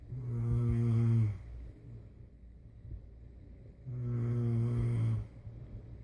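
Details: Two loud, low, rumbling snores on breathing in, separated by quiet breathing out; heavy snoring in a sleeping adult.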